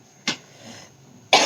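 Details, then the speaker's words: Child's persistent cough that won't stop despite doctor's medicine, steam, gargles and tulsi water: two short cough bursts over a steady background hum, coughing again and again. "और वह खांसी किए जा रहा था बार-बार"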